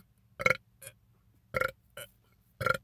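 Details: A man deliberately burping after drinking soda in a quiet room, with three loud voiced belches and smaller ones between; repeated burping.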